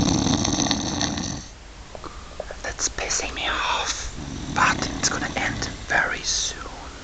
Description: 2 dudes kill snoring dude with long pillows